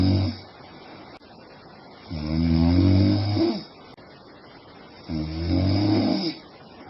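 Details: Sleeping woman snoring: low, rattling snores on breaths in, two in about seven seconds, with quiet breaths out between them.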